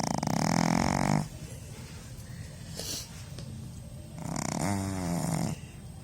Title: Cute Pug Snoring | Puppy | #shorts